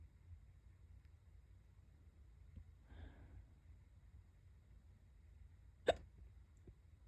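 A single sharp hiccup against a quiet room, with a faint breathy sound earlier.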